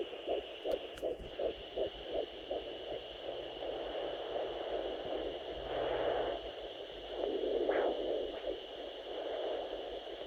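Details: Doppler at 12 weeks of pregnancy: rapid, regular fetal heartbeat at about 165 to 170 beats a minute, with whooshing placental sounds and the mother's slower heartbeat also audible.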